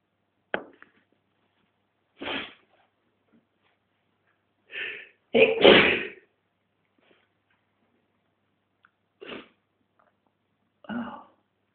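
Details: Male, sneezing induced with a tissue: about six separate sharp sneezes, one a quick double, with quiet pauses between them in a small room.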